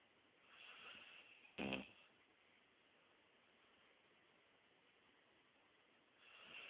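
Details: Soft breathy snoring from a sleeping dog, said to snore like a human, with one brief sharp snort; snoring.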